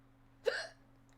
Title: Burping Deep And Having Loud Hiccups (Compilation)